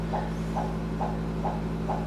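Regular swishing fetal heartbeat pulses from a simulator monitor, about 135 a minute, over a steady electrical hum; normal fetal heart rate with accelerations.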